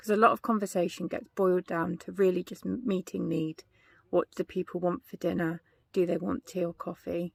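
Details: Adult woman speaking; no disorder.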